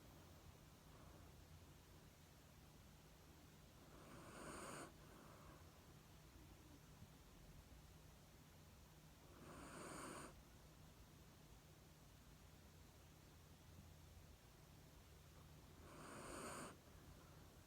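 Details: Black Shiba Inu napping after moving to a new home, snoring softly: three breathy snoring breaths over about 18 seconds against a steady low room hum.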